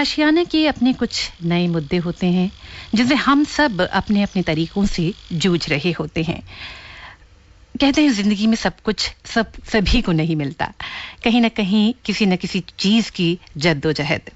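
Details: Adult woman, radio host; typical speech.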